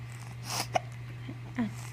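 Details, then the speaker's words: Two-month-old baby with hiccups: a short, sharp hiccup click, later a soft infant vocal sound, steady low room hum. "You got the hiccups, don't you?"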